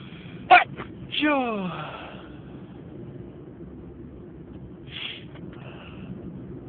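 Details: Sneezing: a sharp, explosive burst followed by a falling vocal tail, then a softer second burst.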